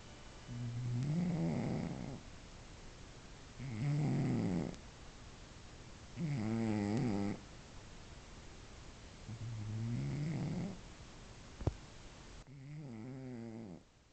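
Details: Cat with very loud snoring: five rattling snores, about one every three seconds, with quiet gaps between them; snoring.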